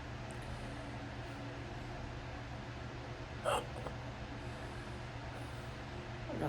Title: Tuesday hiccups